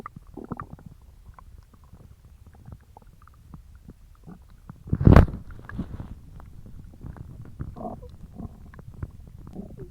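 Low gurgling and rumbling from the belly with one louder burst midway; ordinary stomach growling from gas and fluid moving through the gut.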